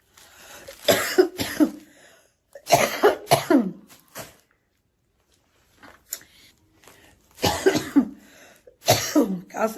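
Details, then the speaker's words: Ill woman coughing through most of the recording, mentions sleepless night: repeated bouts of two to three harsh coughs with pauses, about a dozen overall; ongoing cough. "O vídeo vai ser a maior parte do vídeo tossindo."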